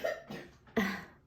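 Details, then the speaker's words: Two short, sharp coughs from an ill young girl, heard a little distant in a small room. "I do have a daughter who unfortunately is homesick and so if you hear that coughing it's it's my little girl"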